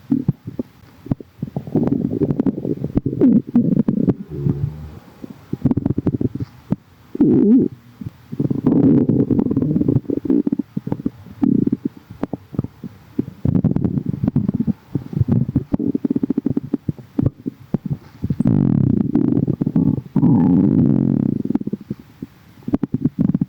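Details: Stomach right after drinking: loud gurgling and rumbling from the belly in long bursts with short pauses: bowel sounds (borborygmi), stomach growling.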